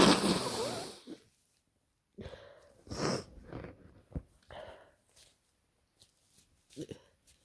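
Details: Adult kindergarten worker with a bad head cold (scratchy throat, headache, blocked nose): one loud, harsh sneeze at the start, then sniffing and quieter breathy sounds; sneezing during a cold.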